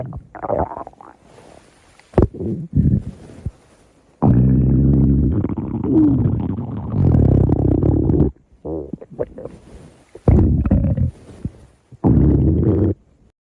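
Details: Stomach growling: loud, close gurgles and long groaning rumbles in uneven bursts with silent gaps.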